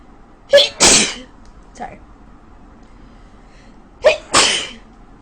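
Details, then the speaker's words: Woman with a bad cold sneezing in bed in the morning: two forceful sneezes, each with a sharp intake before a loud burst and a small huff between. A run of sneezing. "it's me season my ass off because I have the worst cold ever"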